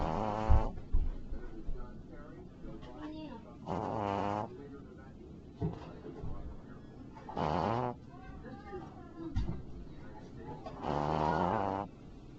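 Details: Shih Tzu puppy sleeping soundly, recorded on a Flip Video camcorder: very loud, irregular snorting snores a few seconds apart, with quiet rumbling breaths between.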